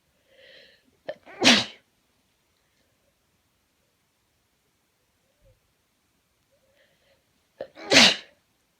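Two sneezes, each with a quick inward breath and then a sharp explosive burst, a few seconds apart.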